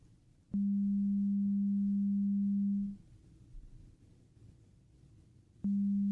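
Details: Simulated ear exam roleplay, headphone hearing test after ear wax removal: steady low pure tone over two seconds, pause, then the tone again; patient asked which ear hears the beep.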